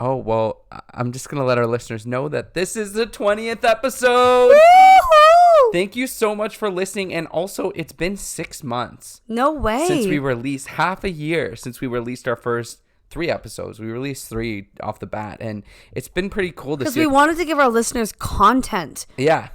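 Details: Adult speakers, podcast conversation; ordinary conversational speech.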